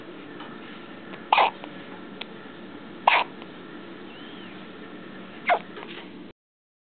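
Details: One-day-old baby girl with hiccups: three short, abrupt squeaky hiccups a few seconds apart over quiet room hiss, typical newborn hiccups, recorded up close.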